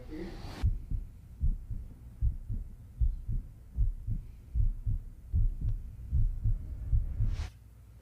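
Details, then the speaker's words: Muffled low thumps in steady pairs, about 76 a minute, played through a phone speaker: an actress's recorded heartbeat from a horror-film promo, not a live one. "Damn, no way. That's her actual heartbeat."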